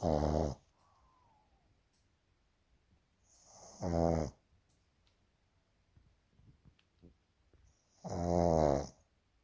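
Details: Sleeping baby pug puppy named Molly: three loud, voiced snoring breaths spaced several seconds apart in a quiet room, about 13 a minute. Snoring.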